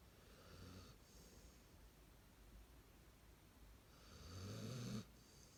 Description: Snoring Zorra after playing